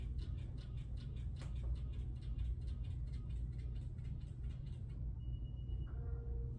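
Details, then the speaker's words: Bladder scanner used by a urology nurse on an adult male volunteer: fast soft ticking for about five seconds, then a short beep as a well-centered scan reads 602, indicating urinary retention. "and there you go that's a better scan you can see as it's more centered it's green also now and we got 602"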